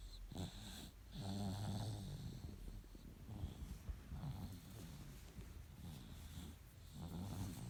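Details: 9-month-old baby boy snoring while sleeping: soft, low, rattling snore with each breath over faint background noise.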